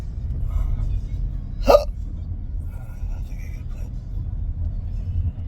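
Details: A single sharp, abrupt hiccup over steady car road noise from a person hiccuping while driving, unable to stop and finding it hard to speak; hiccups.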